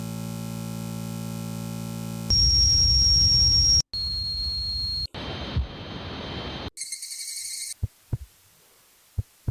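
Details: Simulated tinnitus sounds: a low hum, high steady whistles, hiss and buzzing, then clicks, examples of ringing, whistling, buzzing or pulsing heard without external sound.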